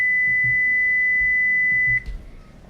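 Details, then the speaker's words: Pure-tone audiometry: a steady pure tone plays about two seconds and stops, the patient raising a hand when heard, starting at 250 Hz. "de esa forma van graficando. El audióloga le va poniendo los sonidos"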